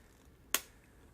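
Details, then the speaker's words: COPD medication demonstration of a spring-loaded soft mist inhaler: a single sharp click-hiss as it pops open in a simulated hand slip, spraying out and wasting half a dose. "the downside to this is because this is all launched by a spring it can be a little bit hard to twist and oh there we go sometimes it pops open into the next dose and so you get a little bit of all wasted dose"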